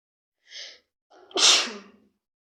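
A short hissing in-breath, then one sharp, forceful sneeze, fitting sneezing with a cold.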